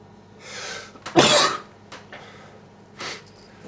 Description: I was tired and bored, felt like making myself sneeze or entertainment =D